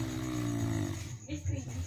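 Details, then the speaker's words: A friend snoring in deep sleep around 2:30 am at a night-time suroan gathering. "Nah, itu suaranya orang ngorok ya guys. Sangat merdu ya guys."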